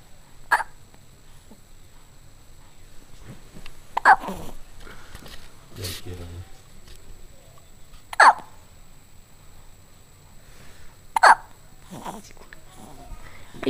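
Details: One-month-old infant with hiccups: four abrupt, sharp hiccups at about 18 per minute, with a soft adult voice and room noise in the background.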